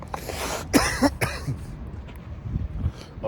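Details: Three harsh cough bursts in quick succession outdoors in cold light rain, about 40°F; an adult coughing after inhaling from a 2g disposable vape (Amnesia liquid diamonds).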